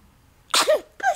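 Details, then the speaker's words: Baby boy in the morning; one sharp, explosive sneeze followed by a short voiced catch, with adults saying "bless you"; sneezing. "bless you bless you you feel good to sneeze"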